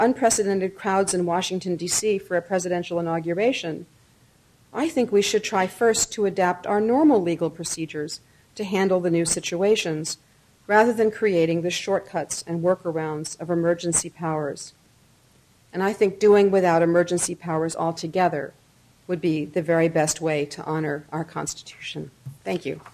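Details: Adult woman; Normal speech.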